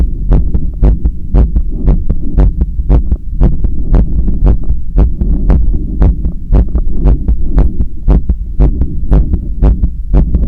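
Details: Adult's own heart via stethoscope held on chest during resistance-band bicep curls: fast, regular beats about 115 to 120 a minute over low rumbling hum and rubbing; exertional tachycardia.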